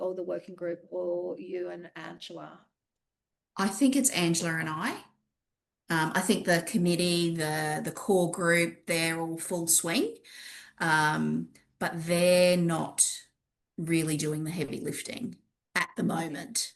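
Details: Adult woman speaking, with a brief second voice; normal voice.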